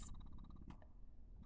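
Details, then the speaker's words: Spectra S2 electric breast pump switched on after plugging in: soft rapid rhythmic mechanical pulsing of a small motor as the membrane moves; pump running normally. "so obviously once you plug it in you will be able to hit the power button and you can hear it"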